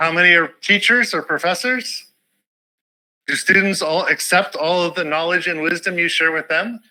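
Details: Adult speaker; ordinary speech.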